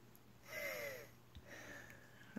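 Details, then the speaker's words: Adult mother with long-standing asthma during an asthma attack: laboured, shallow yet deep breathing with a high, whistling musical wheeze. "if you can hear my breathing it's really shallow and deep because I've had asthma for so long and I'm so sick of taking my inhaler"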